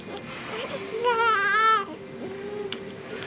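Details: Brief high-pitched infant cry rising and falling over about a second, right after the baby sneezed and seemed startled by it, with soft room noise around it.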